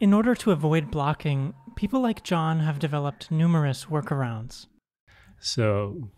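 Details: Adult narrator; fluent speech.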